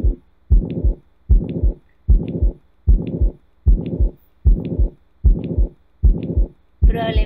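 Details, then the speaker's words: Regular heartbeat about 76 a minute with a harsh holosystolic murmur at the lower left sternal border, from a ventricular septal defect that never closed. "y bueno entre un solo sin tónico para este en el izquierdo abajo también corresponden una comunicación interventricular que no cerró"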